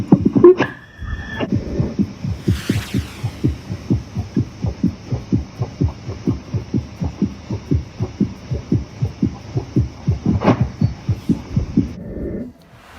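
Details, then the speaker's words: Rapid, regular heart sounds over a steady background hum, recorded with a Bluetooth stethoscope and played back during a pediatrician's online telemedicine consultation. "I'm playing out some Bluetooth stethoscope recorded auscultated sounds."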